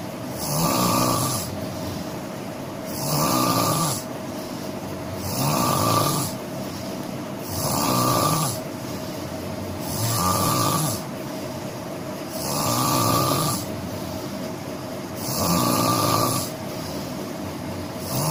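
Loud, regular rattling snores on each breath in, about 24 a minute, with quieter exhalations between.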